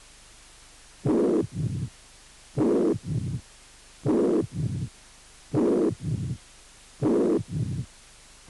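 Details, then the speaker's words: Mitral regurgitation with pansystolic murmur, third heart sound and low diastolic rumble, in slow regular heart cycles. "insuficiencia mitral con soplo punk sistólico tercer ruido y retumbo"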